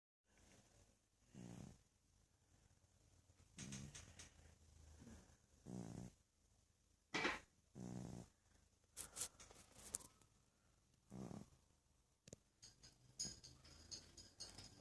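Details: A female cat asleep in a quiet room snores with soft, rattling sounds recurring every couple of seconds: cat snoring.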